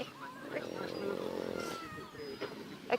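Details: A man asleep on a beach (Praia da Praínha, Portimão) gives one loud, rattling snore of about a second and a half against outdoor background noise: snoring.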